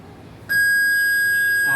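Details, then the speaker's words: Biphasic defibrillator (BPL DF 2617/R) in a demonstration, after energy selection and charging: a steady high-pitched electronic tone starts abruptly and holds, the charge-ready beep before a shock. "If you charge the machine, you can see the LED is glowing here and there is a beep sound coming from the machine."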